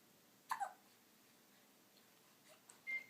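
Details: Taylor, recovering from her shots, chatting among hiccups: two brief, abrupt hiccup-like catches in quiet, with a faint sound near the end.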